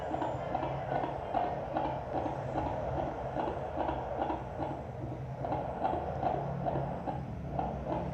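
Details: A fetal Doppler at a midwife's check-up, 23 days before delivery, picks up fast, regular whooshing galloping beats of the fetal heartbeat, about 145 a minute, a normal rate.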